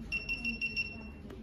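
A series of short, high electronic beeps at an even pace: a syringe pump's bolus warning alarm.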